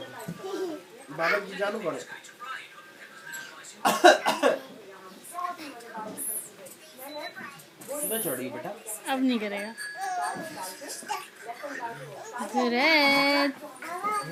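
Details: Young boy makes a short, forced cough among chatter, imitating his father's cough: imitated cough.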